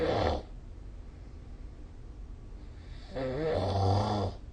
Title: 🐽 Snoring Sleep Sound / いびきの音